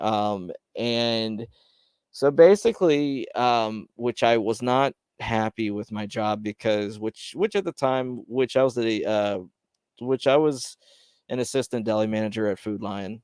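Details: Stuttering in a man who reports his own stutter, speaking on a live stream; word repetitions are heard.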